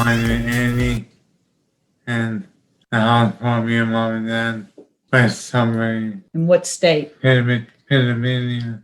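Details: 31-year-old man with Broca's aphasia, apraxia of speech and dysarthria after a traumatic brain injury in a 2016 car accident at age 25, with partial throat or tongue paralysis; he was initially mute, is hard to understand, and is slowly improving.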